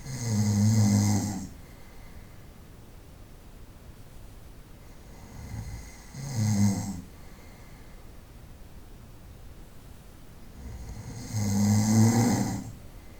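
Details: Snoring at night during sleep: loud, rough snores on each breath in, about 11 a minute, with quiet breathing between them; from a 25-minute recording.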